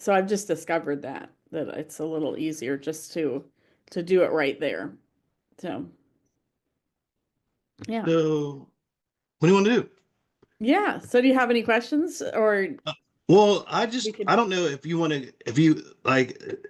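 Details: Person with aphasia caused by a stroke; aphasia.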